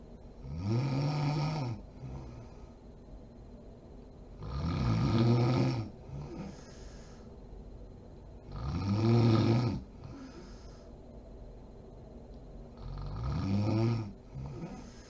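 Loud, rough rattling snores on each breath in, with quieter breaths out, about 14 breaths a minute: steady snoring during sleep.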